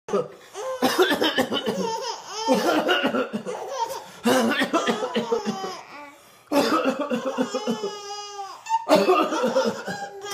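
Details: Several short coughs from a dad, mixed with loud, bubbling laughter from 5-month-old twin babies who find the coughing hilarious, in a small room.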